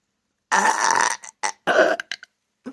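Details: Burping during hiccups: one long loud burp followed by several shorter burps.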